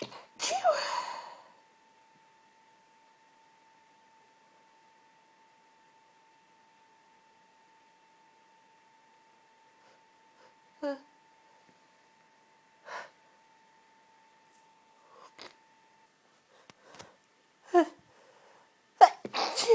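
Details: Endless hayfever sneezing keeping a person awake: a sharp sneeze at the start, then a steady faint tone with several short nasal sniffs and bursts, ending with another sneeze-like burst.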